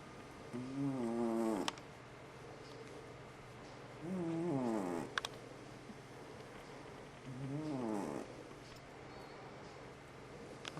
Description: Just a quickie of how loud FatCat can snore.